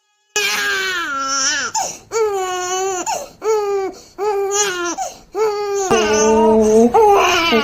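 An infant cries in short, repeated wails with a clear, high-pitched voice, a typical everyday baby cry.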